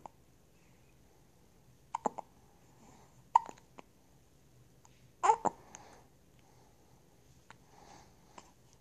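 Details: Several short, abrupt, quiet catches at uneven intervals in a quiet room, recorded on a phone held by the lips so breathing sounds loud into the microphone; hiccups.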